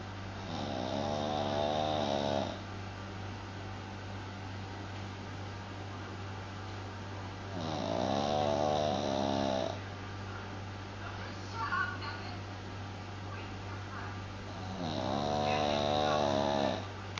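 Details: Dog Buster snoring: three long, buzzing snores about seven seconds apart, roughly eight to nine breaths a minute, over a steady low hum; dog snoring.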